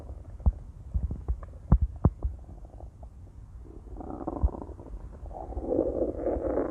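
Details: Stomach growling (borborygmi): low gurgling pops and a rising rumbling growl from the belly, ordinary bowel sounds of digestion.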